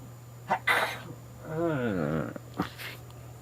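Several short, harsh coughs from an adult man, with a drawn-out voiced sound between them, over a steady low background hum.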